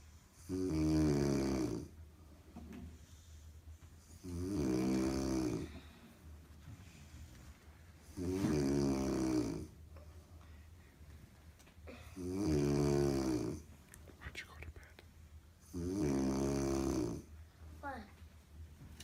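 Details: Adult woman (aunt) napping on the couch with a dog sleeping beside her: loud, rhythmic snoring, about 16 snores a minute with quiet pauses between.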